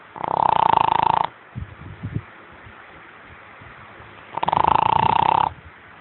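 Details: A dog snoring in sleep: two loud, buzzing, rattly snores a few seconds apart, with soft snuffles between them.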